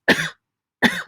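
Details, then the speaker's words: Two short, sharp coughs about three-quarters of a second apart, each an abrupt burst that fades quickly, in a quiet room, from an adult woman with a little cough: a mild cough. "sorry, love this next one. I've had a little cough. Do you hear it?"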